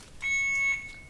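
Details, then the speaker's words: Single sustained high-pitched beep from an Alaris IV infusion pump: "check IV set" alarm after pressing start at 999 mL/hr because no set is loaded in the channel; demonstration, silenced afterward. "our first alarm check IB set I don't have the set in the channel I can hit silence just to get rid of that annoying beep"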